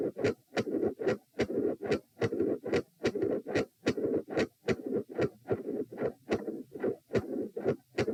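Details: Loud, bouncy midsystolic murmur, regular heartbeat about 73/min, with 3 and 4 heart sounds, recorded at position p lying down during provoking manoeuvres: first attempt at an effective Valsalva, producing different sound patterns.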